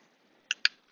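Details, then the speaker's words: Wearable electric breast pump worn inside the bra by a breastfeeding mother 3.5 months postpartum, just switched on, suction still very light (adjustable): faint quiet hum with a few soft mechanical clicks as it starts. "Can you hear the sound clearly? (It has already started) It is still very light"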